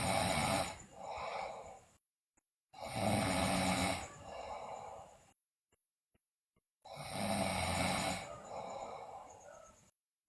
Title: Sleeping Girl Loudly Snore, Bruxism, Delirious